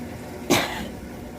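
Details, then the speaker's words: Irritant cough from an adult washing dried chili peppers, attributed to capsaicin: a single short, sharp cough in a quiet room. "와, 이제 고추 지금 이거 세척하는데도 막 기침 나요. 캡사이신이 엄청 많은 건가 봐요."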